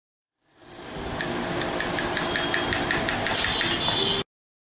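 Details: Steady high-pitched hiss and whine of dental instruments with rapid clicking pulses, drill and suction running during dental implant surgery; dental surgical instruments.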